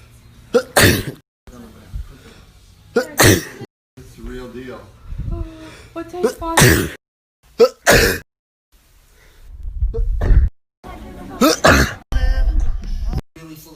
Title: Me sneezing 27 times